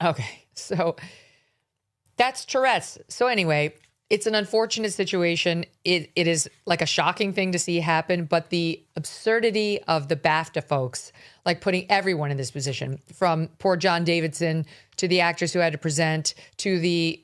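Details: Adult speaker; typical speech.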